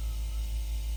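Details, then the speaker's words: AIROS 8P 8-chamber pneumatic sequential compression pump running on the legs for circulatory problems, pressure grading from feet and ankles up to the thigh: steady low motor hum with faint buzz. "So it's using air on a gradient from high pressure to low pressure. Yeah. So you'll feel more of the high pressure down in the feet and ankles as it's going to move it along the gradient up your thigh."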